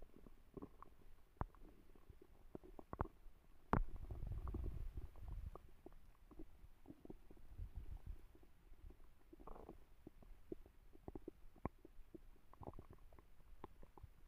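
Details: Stomach growling: soft, low gurgles and rumbles with scattered clicks and pops, and one longer rumble early on.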